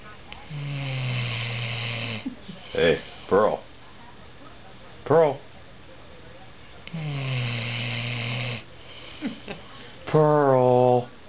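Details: Dog snoring while apparently awake: loud, drawn-out snoring sounds separated by short snorts and sniffs.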